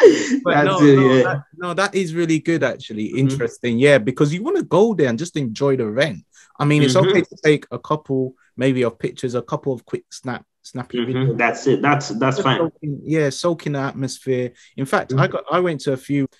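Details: Adult male speaker; normal conversational speech.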